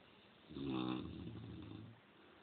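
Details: One loud, rumbling snore from a sleeping female Cane Corso dog that snores like this almost every night, over steady low background noise; snoring.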